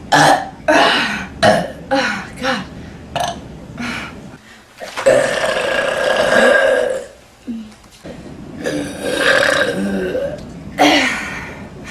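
A run of loud, long, voiced belches, some short and some drawn out, with brief pauses between them. Repeated burping.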